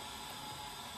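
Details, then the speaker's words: Prototype blower-driven ventilator running closed-loop pressure-controlled ventilation (PCV) into a test lung, software controlling PIP, plateau pressure, PEEP, rate and I/E ratio: steady whooshing hiss of the blower delivering breaths. "a controller which then calculates a command to the blower which is our pressure source for driving the ventilation here into this test lung"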